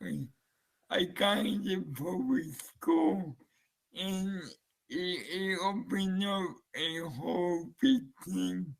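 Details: Man with dysarthria, a user of the Relate speech-captioning app, featured in motor neurone disease association presentation, speaking with Relate captioning switched on; slurred speech; dysarthria.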